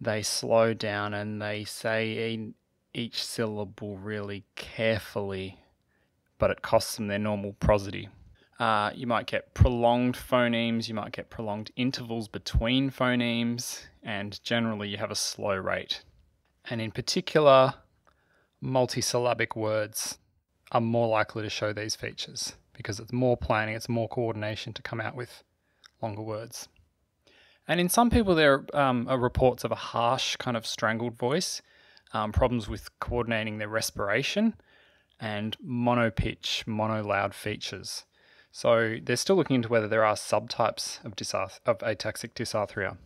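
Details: Adult male speaker; typical speech.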